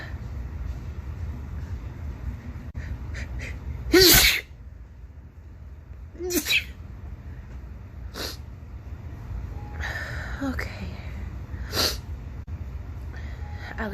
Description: Allergy season is here!! Sneezing like crazy!